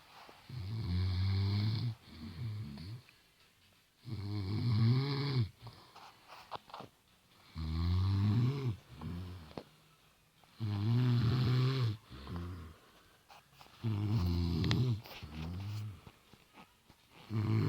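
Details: Woman snoring in bed: steady, low rattling snores on each breath, about 18 breaths a minute, with quiet pauses between them.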